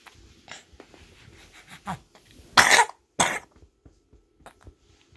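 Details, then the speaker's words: Wet cough in a 14-month-old girl with her first common cold, two loud coughs amid faint room sounds; her cough let her nap only 40 minutes. "* chỉ ngủ được 40 phút vì bị ho."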